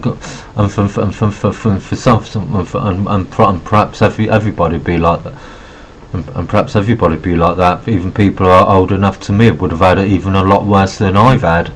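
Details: Adult man with Asperger syndrome who says he has a bit of a stutter and refers to notes because of it. Phrase repetition is heard. Stuttering.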